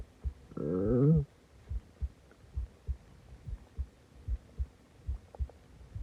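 A brief rising, gurgling groan followed by a run of soft irregular gut clicks and pops: stomach growling, a normal digestive sound.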